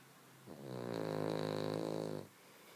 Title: How loud can one little dog snore??